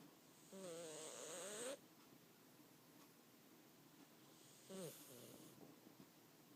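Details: Dog sound asleep, snoring loudly enough to be heard over the TV: two rattling, wavering breath sounds about four seconds apart against steady room hiss.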